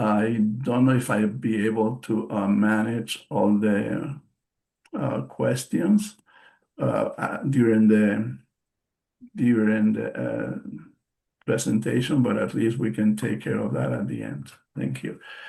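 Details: Post-stroke aphasia in an adult male bilingual psychotherapist, present since his stroke in March 2020; aphasia.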